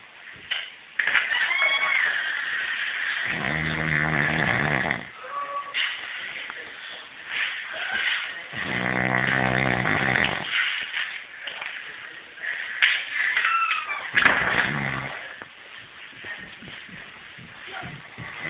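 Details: Three low, rattling snores about five to six seconds apart over steady background noise; snoring.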